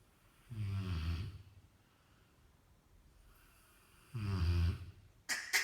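Deep, rumbling snores from a large dog, roughly one every three to four seconds, with quiet pauses between breaths.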